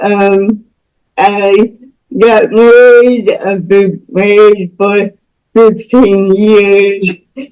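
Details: Speech of a woman about to turn 49 with lifelong cerebral palsy involving spasticity, born with the umbilical cord around her neck five times; doctors said she would never walk or talk.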